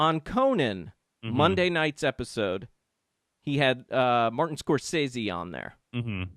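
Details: Adult male speaker; no disorder.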